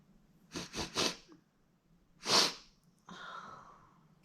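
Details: Sneezing fit brought on by chhinkni: a quick run of three small sniffs, then one short sneeze and a soft breath out; sneezing.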